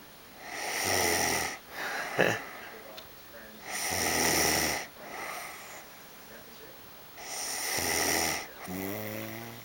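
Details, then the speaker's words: A sleeping person, recorded by their partner with a cat beside them, snores loudly and roughly on each in-breath, about three in ten seconds, with soft breathing between: heavy snoring. "Okay, I just want you to see this and hear the amount you're snoring so that you know I'm not an asshole."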